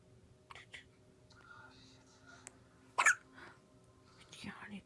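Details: Newborn 8 days old with a few brief, sharp, irregular hiccup bursts over quiet room noise; newborn hiccups.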